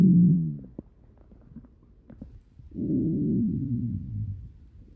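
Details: Low gurgling rumbles from the belly, one long rumble at the start and another after a quiet gap: ordinary stomach growling (borborygmi).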